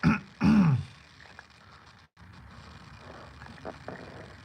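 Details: Two short, gravelly throat-clearing bursts from an adult man recovering from a cold with a bad cough, the second longer and harsher, then quiet room noise with faint distant sounds.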